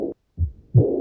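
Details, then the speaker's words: Aortic regurgitation: soft, blowing early diastolic murmur after the second heart sound. Best heard with the stethoscope bell at the accessory aortic focus, third left intercostal space by the sternum, with the patient seated and leaning forward. "Lo pueden escuchar mejor con la campana del estetoscopio y es mejor que escuchen al paciente sentado y con el tórax ligeramente inclinado"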